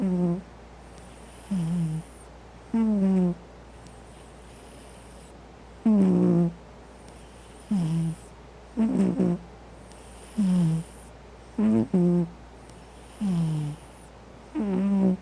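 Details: Loud snoring from a sleeping cat, recorded with the microphone next to its nose: short nasal snores about 20 a minute with a rising whistly tone, against a steady low hum.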